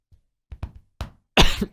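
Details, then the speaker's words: An adult's short run of about three coughs, each stronger than the last, ending in a loud harsh burst; cough lasting almost two weeks after a probable COVID illness, with chest pain near the lungs and a blood taste, once coughed blood. "кашель не проходит уже почти две недели вот реально я кашель и постоянно еще у меня вот тут начинает болеть кстати в области легкий реально"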